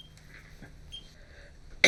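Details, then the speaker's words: Patient with a persistent cough and dangerously low oxygen levels, cause not yet known (heart or lung condition feared): one sudden loud, harsh dry cough burst after a quiet room, cut off at the end. "So when your oxygen levels drop or when your airways get tight, then it your body's making you cough to try and open those airways up again."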